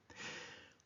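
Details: Forced expiration (spirometry FVC manoeuvre).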